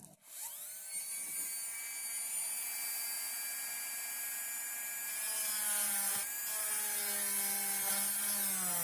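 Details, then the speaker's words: High-speed dental handpiece whining, pitch dipping as the bur cuts ~1 mm depth orientation grooves in the distolingual and mesiolingual cusps of a typodont mandibular first molar (#36) during full veneer crown preparation. "Now we will make grooves for the lingual side also. So the depth orientation groove for the distal lingual cusp is also complete. Now let's try to make a groove for the mesiolingual cusp also."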